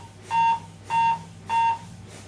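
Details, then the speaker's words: Steady, evenly spaced electronic beeps at 100 per minute from the built-in CPR metronome of an AED7000 defibrillator, setting chest compression pace in a CPR training demonstration. "so the beeping that you can hear is a little metronome that's built in to this model of defibrillator that is indicating a hundred times per minute so that's the speed you want to push at"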